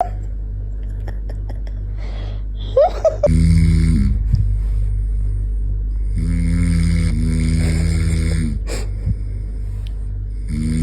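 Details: Person snoring loudly while a 6-month-old baby covers its ears: low, rattling snores on each inspiration separated by quieter breathing, with steady room noise.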